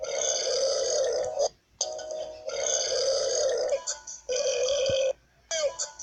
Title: Burps compilation 7.2